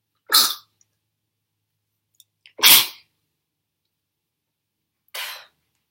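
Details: Girl's sneezing fit with stifled sneezes and nose blowing after something that burns: three sharp, explosive sneezes in quick succession, the last one softer.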